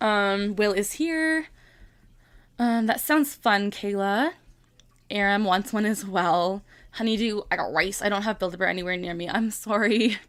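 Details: Tourette syndrome vocal tics in a 25-year-old woman, present since early childhood and diagnosed at 12; a repeated vocal tic phrase interrupts her ordinary speech.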